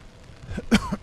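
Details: Brief adult throat clear with a short cough burst outdoors on a cold rainy day at a collision scene; speaker says cold weather makes them cough; faint background noise.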